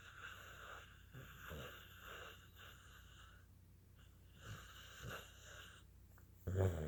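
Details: Tired Cocker Spaniel, excited earlier and now sleepy, snoring.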